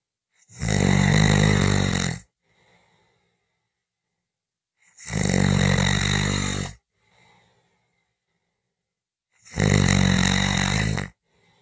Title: 5 Minutes of snoring Audio